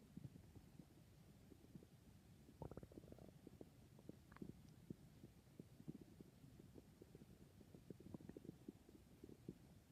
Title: My stomach is noises